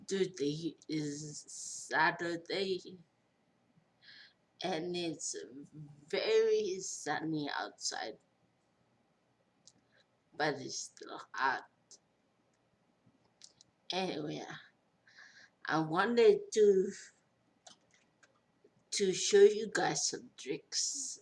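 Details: Post-stroke speech impairment in a 43-year-old woman after a major stroke with a long recovery.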